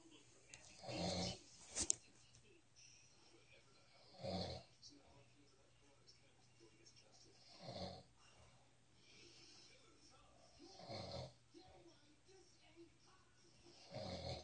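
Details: Snoring cat: rough, rattling snores on each breath, about 18 a minute, with quiet pauses between; steady sleep snoring.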